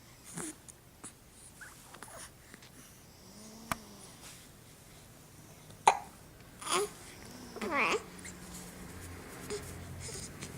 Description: with hiccups at four weeks of age.